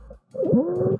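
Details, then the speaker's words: Young female with croup (laryngotracheitis): a single harsh, low, seal-like barking cough, with some stridor, from infective inflammation in the subglottic area. "so this is cherise this young lady actually has a fairly impressive creepy cough and there's kind of this seal like barky coffins and some striders"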